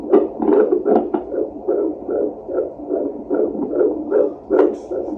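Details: Fetal heartbeat on Doppler at a pregnancy check: rapid, regular whooshing pulses, reported as 151 to 160 beats a minute while the baby moves a lot, a normal rate.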